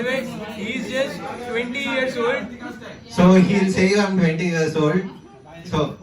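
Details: Adult man speaking; no disorder.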